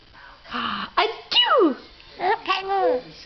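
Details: Mother's sneeze while her happy baby boy laughs: a sudden voiced sneeze with a falling 'choo', then playful vocal sounds; ordinary adult sneeze.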